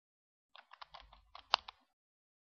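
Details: A short run of small clicks ending in one sharper click as an inhaler lever is pulled back to load a dose, in an asthma inhaler technique demonstration; inhaler lever click.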